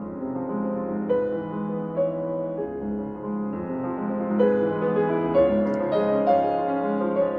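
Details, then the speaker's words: Clear solo piano music with rich, full tone, demonstrating how music sounds with typical hearing, in contrast to cochlear implant input. "The first example that you heard is what music would sound like to a person with typical hearing ability."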